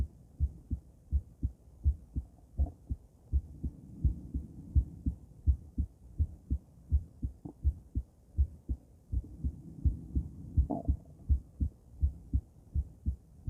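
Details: Female heart auscultated with different stethoscopes, moving through Erb's point, mitral, tricuspid, aortic and pulmonic sites; regular lub-dub about 82 per minute with faint stethoscope rubbing; normal heart sounds.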